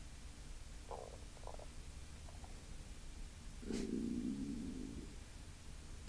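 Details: Stomach growling (borborygmi): soft gurgles followed by a longer, low rumbling growl, ordinary bowel sounds.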